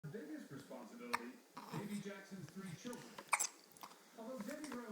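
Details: Brief sharp catching hiccup sounds interrupting breathing amid nearby talk, in a person.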